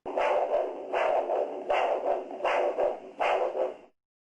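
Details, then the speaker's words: Handheld Doppler on the dorsalis pedis artery with cuff above the ankle during ankle-brachial index measurement; regular pulsing whooshes about 79 a minute, each with several phases; normal triphasic arterial Doppler signal. "You should obtain an arterial Doppler signal, which can be monophasic, biphasic, or triphasic."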